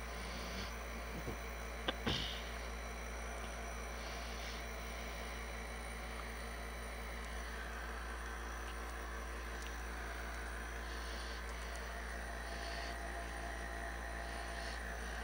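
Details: Nebulizer running.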